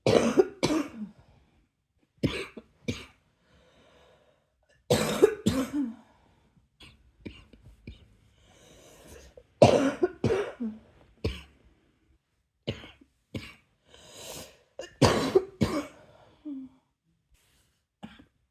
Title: # 151 another night cough ... any1? 😘